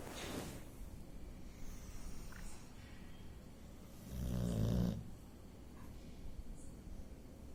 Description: This is a boxer named Nawaab. He snores all the time while sleeping.